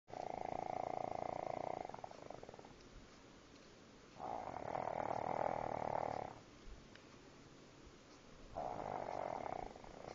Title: Pug snoring really loud